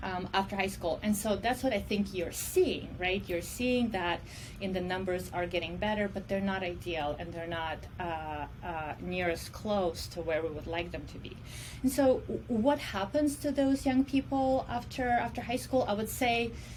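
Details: Adult woman who self-reports stuttering as her disability; speech in this clip has repeated words; stuttering.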